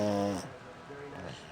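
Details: A pug dog snoring: loud, buzzing snore from a small flat-faced dog, then quieter breathing.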